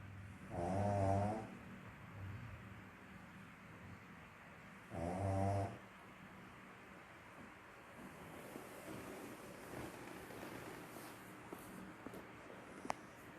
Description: meet max the pug little dog snoring while sleeping again / #shorts #pugdog